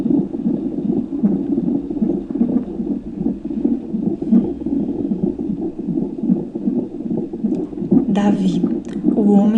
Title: Doppler fetal! #doppler #batimentofetal #gestacaosaudavel #bebê #gestacao #doulalife